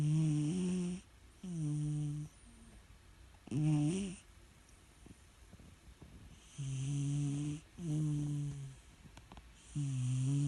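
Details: Red cat in deep sleep snoring gently: soft, tonal, buzzing breath sounds in short bursts with quiet gaps.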